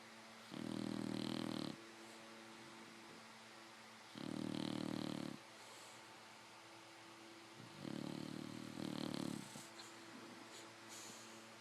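Loud, rough, rumbling snores about every three to four seconds, roughly 16 a minute, the last one broken in two; puppy snoring.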